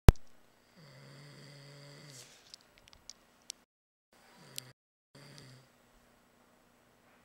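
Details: Person snoring late at night: two low, buzzing, drawn-out breaths with a steady tone, separated by quiet pauses and a few faint clicks; snoring.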